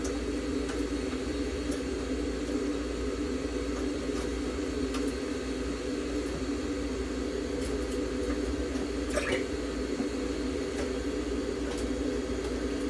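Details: Veterinary ICU incubator running during treatment of a budgerigar, giving warmth, humidity and oxygen therapy.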